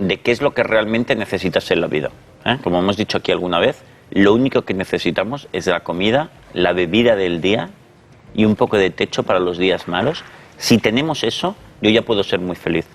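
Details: Adult male speaker; Normal fluent speech.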